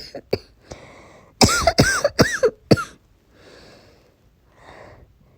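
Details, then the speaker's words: An acted fit of several sharp, hoarse coughs in quick succession, then quiet breaths, in a sick-character roleplay; the character reports a sore throat, headache, blocked nose and sneezing. "i'm not feeling too well i can't stop coughing my throat is sore"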